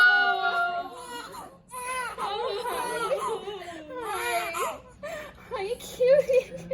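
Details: Newborn cry just after birth, following real labor around the holidays: repeated high, wavering crying bursts with short pauses between them.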